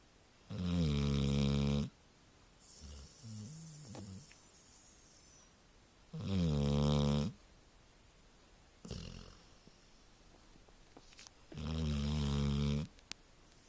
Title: Snoring Labrador